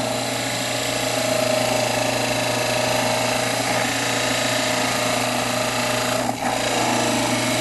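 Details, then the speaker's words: Dental model trimmer cutting a plaster cast base, held at an angle, down to a marked 10–14 mm thickness line: loud steady motor whine with a rough grinding rasp. "So this area here, I want to trim. I want to keep this area. Okay. So at an angle like this, start trimming to the line."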